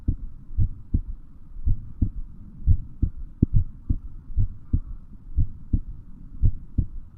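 Steady, regular lub-dub heartbeat, deep paired thumps at about 57 beats a minute, with a faint low hum behind it.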